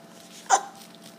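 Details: Baby who gets hiccups every time he smiles, hiccuping after laughing: one short, abrupt voiced hiccup against quiet room noise.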